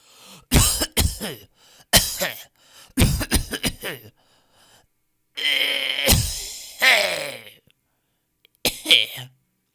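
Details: Stock audio of people coughing in different styles: several separate cough bursts and throat clearings from different voices, some with a rough voiced tail; faint music underneath.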